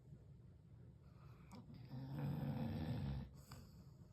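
Low rumbling, snorting breath noise from a sleeping dog, rising to a louder snore in the middle: ordinary snoring.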